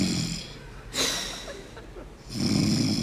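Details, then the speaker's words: Loud, rattling, low-pitched snores on inspiration separated by quieter pauses, performed as a comedy imitation; simulated snoring. "Принцессы не храпят, да? Сейчас мы снимем, как вы не храпите."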